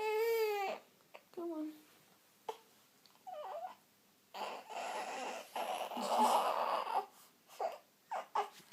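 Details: Brief fussy cries and whimpers with short wails between pauses from a baby girl being burped after feeding too much too fast; she has bad wind and seems in pain. Infant crying.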